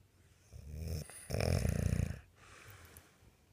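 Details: One loud, rough, fluttering snore on an in-breath, with quieter breathing before and after; ordinary snoring.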